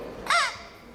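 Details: Third-grade boy who swallowed a toy whistle while playing: single brief, high, squeaky whistle-like note rising and falling with breath from the whistle lodged in his airway/throat, later removed surgically; inhaled whistle airway foreign body.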